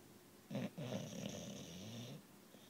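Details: Charlie snoring: one long, low, rattling snore on a drawn-in breath, with a brief snort just before it; ordinary snoring.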